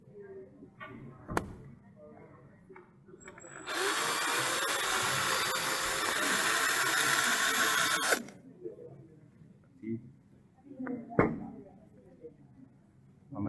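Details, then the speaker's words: Surgical bone drill during open reduction and internal fixation of a fracture with plate and screws: a steady high whir for about four seconds amid quiet room sounds and clicks. "c] the drill was then removed keeping it running on full power as it is removed a depth gauge is then used to measure the length of the screw required to pass through both cortices"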